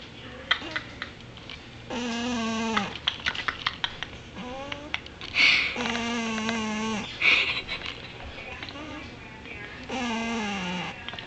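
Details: A sleeping cat curled in the dog's food bin gives long, droning, slightly whistling snores about every four seconds, with a person's brief laughter between them; snoring.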